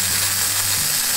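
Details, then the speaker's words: Liquid nitrogen cryotherapy spray freezing a precancerous actinic keratosis on the left brow: a steady hissing spray with a low mechanical buzz. "a very easy treatment for is to just spray liquid nitrogen you can see that comes out"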